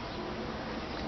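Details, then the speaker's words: Vocal imitation of a diastolic heart murmur in a horse, taught during an equine cardiac auscultation lesson: a steady, soft whooshing hum made by voice, heard in diastole rather than systole. "Entonces en un soplo sistólico se va a escuchar esto una solamente se escucha ese murmullo en el momento que debe ocurrir una sístola en un soplo diastólico se escucha esto o un soplo diastólico se escucha esto"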